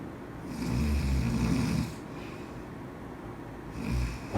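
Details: Snoring from a man on a shared group trip: heavy, low, rasping snores, one long and a shorter one starting, against a steady room hum; ordinary loud snoring.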